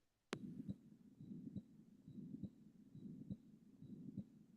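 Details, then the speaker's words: Quiz case: 10 days after anterior wall myocardial infarction, refractory heart failure and shock; auscultation at left lower sternal area: regular beat about 69/min with continuous rough murmur filling gaps between beats, post-infarction murmur. "So uh 10 day post anterior wall patient develops refractory heart failure and patient is in shock on oscultating the left lower sternal area. This was found."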